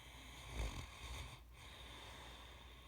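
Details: Great Dane dog sleeping and snoring loudly: a brief, low, rumbling snore with a snort-like quality over steady background hum.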